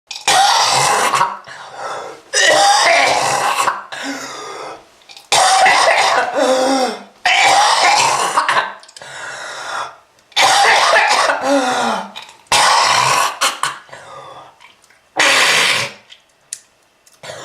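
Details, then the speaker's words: Smoking-related lung disease: deep, harsh, wet chronic coughing fits, about seven bursts with strained breaths between. "If you want this to happen to you, just keep smoking. This is lung disease."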